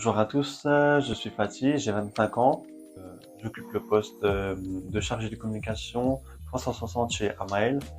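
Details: Speech of a 25-year-old man with severe bilateral deafness since early childhood, discovered at age 2–3, who wears hearing aids and had speech therapy for pronunciation and articulation.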